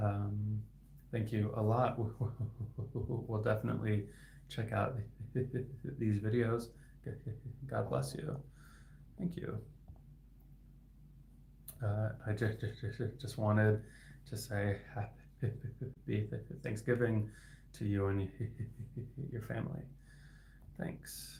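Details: Adult male speech-language pathologist who stutters; his stuttering is inconsistent; repetitions heard; stuttering.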